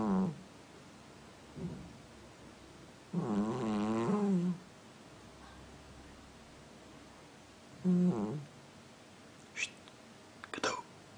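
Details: Cat snoring like a person: slow, separate breaths, some with a wavering, squeaky tone, in a quiet room.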